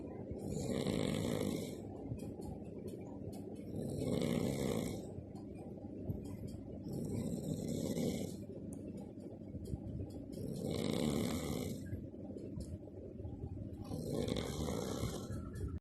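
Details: Two people snoring: steady, rough snores on each breath in, about every three and a half seconds, roughly 17 a minute; ordinary snoring.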